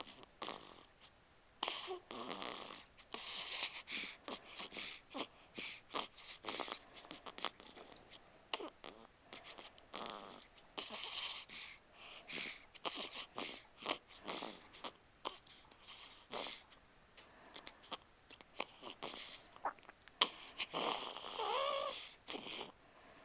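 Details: An 8-day-old newborn boy makes soft, irregular snuffly snorts and hissy nasal noises while breathing in sleep: snoring.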